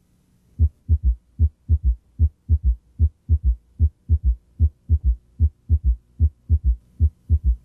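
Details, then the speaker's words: Third heart sound (S3) as it would sound with the stethoscope bell placed lightly on the apical impulse, after the patient is repositioned to bring the left ventricle closer to the chest wall; it disappears with firm bell pressure. "place the bell lightly on it if the patient had an audible s3 it would sound like this"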